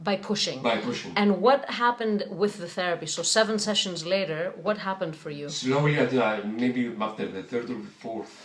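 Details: Adult speaker (voice therapist); normal voice.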